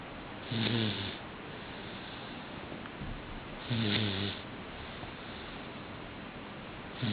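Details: Snoring during sleep: short, buzzing snores on each breath in, about 19 a minute, with steady background hiss between them.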